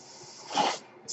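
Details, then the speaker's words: Mechanical ventilator breath cycles heard behind an adult man who uses a ventilator, speaking as he records a podcast. "hello everyone my name is that noise you're hearing is my ventilator and welcome page turners"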